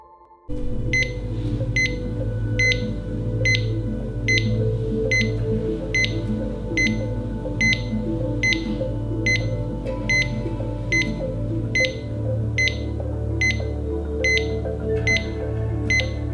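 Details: Simulated cardiac monitor beeps, steady and regular at about 72 a minute over background music, illustrating normal sinus rhythm from the physiological sinus node pacemaker in an advanced life support rhythm-identification lesson. Normal sinus rhythm.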